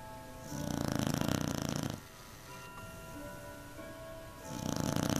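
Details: Beagle snoring so loudly the couch vibrates; two loud, harsh, rattling snores with a quieter gap between, over faint background music.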